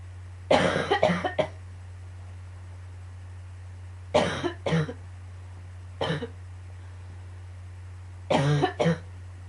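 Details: Coughing fit: repeated short clusters of two to three harsh coughs, about ten coughs in nine seconds, over a steady low hum; an annoying, recurring cough.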